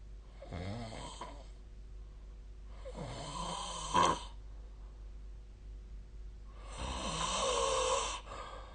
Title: 🐽 本日のイビキ / Snoring Sleep Sound 2025/02/22